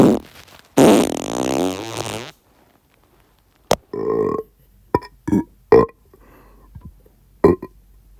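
A long, loud, rumbling belch followed by several short, sharp gulping bursts. Burping.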